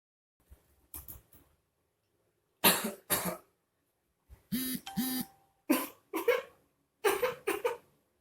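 Several short, sharp cough bursts in pairs with quiet gaps, about eight coughs in all, with a brief beep in the background.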